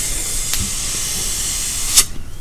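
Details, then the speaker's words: Dental air-water spray with high-volume suction: a steady hiss and suction noise as the dental dam area is rinsed to clear debris before dam removal. "okay turn on your hbe and just begin rinsing with the air water spray in that area or even just water is fine sometimes depending on the situation here's the water spray okay get the excess"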